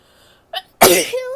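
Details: Female: a quick inhaled catch, then one forceful voiced sneeze trailing into a brief vocal sound.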